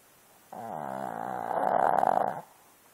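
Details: Small dog snoring: a single long, buzzing, rattling breath lasting about two seconds.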